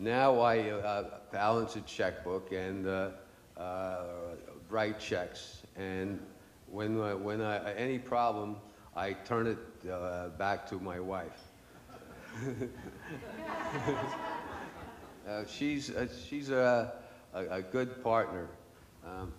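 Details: Aphasia (non-fluent speech) in an adult man after a stroke, following two and a half years of speech therapy.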